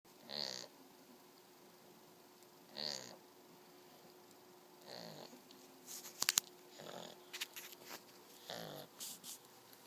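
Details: 8-week-old Shar Pei puppy snoring while asleep.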